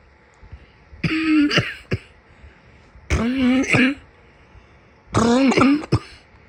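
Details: Cough from a summer cold.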